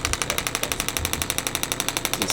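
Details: Radial shockwave therapy handpiece treating an adult male triathlete's left knee, with low-level pain for a couple of years and no significant injury history. Intensity set to about 5–6 out of 10. Rapid, even tapping pulses, about ten per second.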